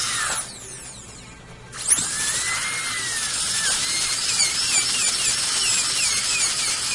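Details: Dental drill whining, pitch dipping and rising as it contacts the surface, removing high spots marked in blue on a replacement bridge, upper left, after a bite check; patient had a loose, roughly 12-year-old bridge with a hidden root infection.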